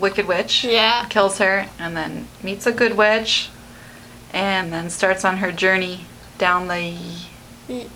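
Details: Adult woman speaking; typical speech.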